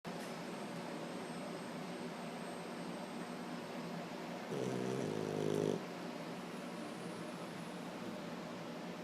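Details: A dog snoring: a steady low, rough rumble throughout, with a brief louder, more tonal snorting stretch partway through. Snoring.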